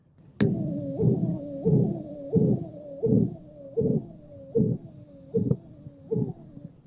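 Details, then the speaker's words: Short, high-pitched abnormal bruit over a hemodialysis access (fistula or graft), about 88 a minute, contrasted with the normal rhythmic whooshing bruit; suggests stenosis (narrowing) of the dialysis access. "So that nice rhythmic whooshing sound is normal. When it's abnormal, it becomes shorter and more high-pitched, and it sounds like"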